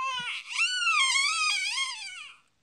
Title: Baby crying over pacifier